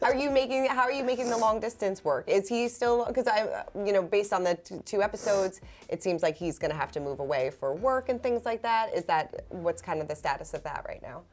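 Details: Adult woman; typical speech.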